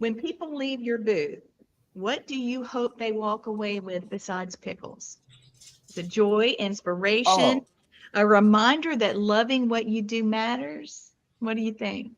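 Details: Adult speech, possibly two speakers in conversation; Normal conversational speech.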